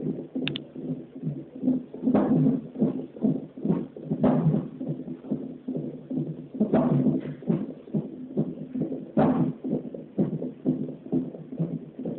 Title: Nst with hiccups